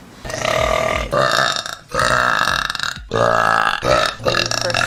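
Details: Girls burping in a compilation: a series of four long, loud, rumbling burps, each about a second long, with brief gaps.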